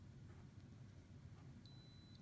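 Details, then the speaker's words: Tympanic (ear) thermometer in a vital-signs test-out demonstration, ear pulled up and probe pushed in: a short, faint high beep over low room rumble signals the reading is done, read as 99.5. "it beeps okay I would tell my instructor what the temperature is okay and I'm going to write it down for myself 995"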